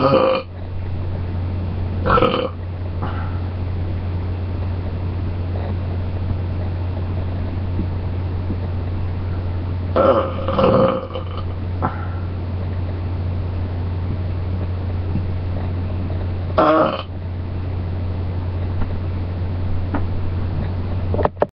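Three loud, throaty burps spaced several seconds apart over a steady low hum; ordinary belching.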